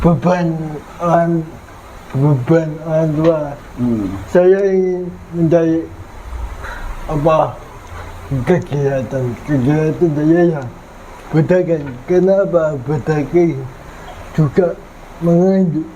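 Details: 22-year-old man with cerebral palsy (physical disability); dysarthria.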